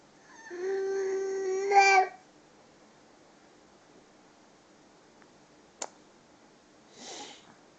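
A single sustained infant wail lasting about a second and a half, then quiet room noise.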